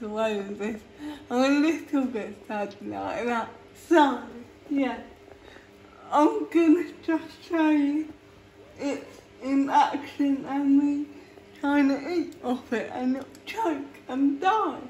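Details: Real female adult with cerebral palsy, feeding herself with a Neater Eater feeding device for the first time without help; a speech disorder is inferred, not stated: dysarthria.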